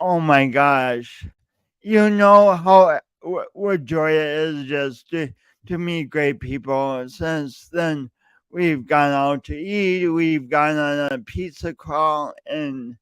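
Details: Male speaker who self-reports an audible speech impediment present whenever he speaks, with part-word and word repetitions; stuttering (speech disfluency).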